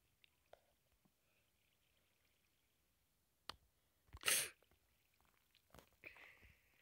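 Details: Sick person with a clogged nose sneezing while narrating Minecraft gameplay: a single sharp sneeze among quiet clicks and faint room noise.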